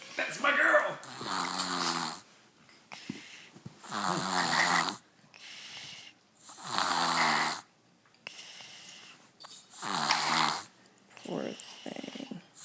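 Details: Young girl snoring, said to snore like her dad: loud, rough, snorting, rattling snores on each in-breath, about 21 breaths a minute.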